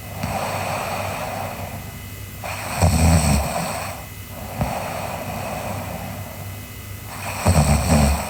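Rhythmic low rattling snores on each breath, with a softer breathing phase between, roughly two breath cycles in eight seconds.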